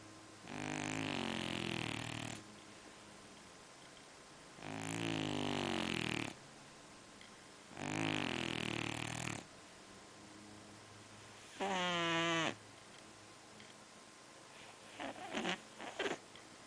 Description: my fat cat snores when he sleeps